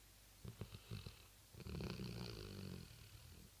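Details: Rottweiler dog snoring at night while asleep: a few short snorts, then a long, low, rattling snore in a quiet room.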